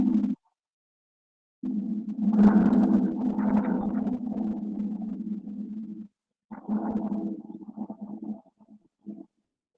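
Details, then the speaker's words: Rhonchi: low-pitched, snoring-like musical rumbles of lower intensity than wheezes, filling long breath sounds, typical of secretions in larger airways. "bueno este es un sonido musical de menor intensidad que la asimilan cya y es similar a un ronquido puede estar"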